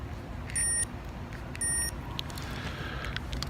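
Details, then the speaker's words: Two short bursts of high electronic beeping from the speaker's own medical pump going off during a morning walk, in a vlog about coping with diabetes: a medical pump alarm. "I'm sorry I'm ringing my pump goes off for many reasons"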